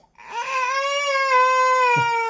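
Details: Toddler gives one sustained, tonal wailing cry of about two seconds in a small room, upset at not being allowed to play outside in the rain; toddler crying.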